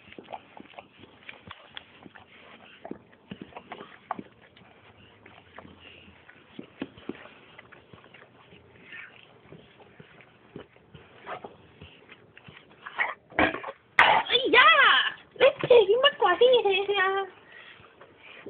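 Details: Dog coughing then vomiting: quiet shuffling gives way to loud, harsh heaving and gagging bursts as the dog coughs and brings up vomit.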